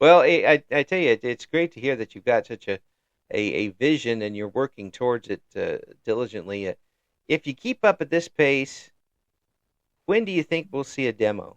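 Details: Adult male speaker; normal conversational speech.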